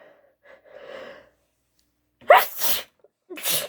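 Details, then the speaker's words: Two sharp, explosive sneezes in quick succession after a soft breathy build-up, acted by an adult woman in a roleplay scenario denying allergy to a roommate's cat; nose tickle. "maybe i am allergic"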